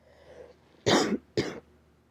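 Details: An adult sick with a cold, sore throat and a failing voice, who cannot stop coughing, gives two short, harsh, dry coughs with no wet rattle or wheeze.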